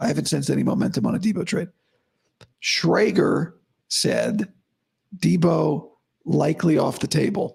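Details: Adult man, about five to five and a half weeks after vocal cord surgery; he reports daily improvement, though today likely unchanged from yesterday after heavy voice use and no sleep. Dysphonia after vocal cord surgery.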